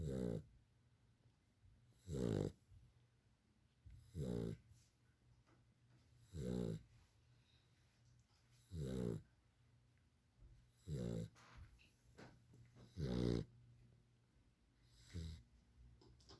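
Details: 2-month-old puppy snoring in sleep: regular rattling snores about one every two seconds, roughly 28 a minute, with quiet gaps between.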